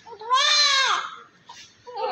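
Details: A newborn delivered by LSCS, covered in vernix, had blood clots and inhaled green liquor fluid that were removed: a single loud, clear cry lasting under a second, then softer fussing; a vigorous cry after birth.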